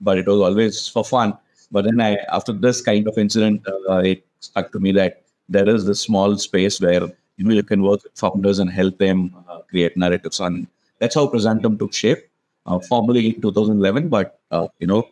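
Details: Adult man speaking; normal voice.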